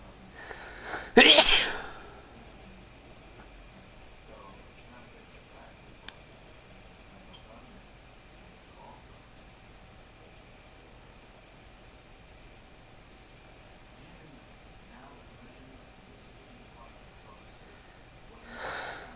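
One loud, sharp sneeze, then quiet room noise, with a fainter sneeze-like burst at the end.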